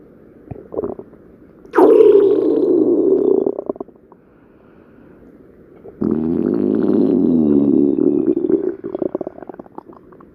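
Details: Two long, loud gurgling rumbles from a woman's belly, each lasting a couple of seconds; ordinary stomach growling (borborygmi), a normal bowel sound.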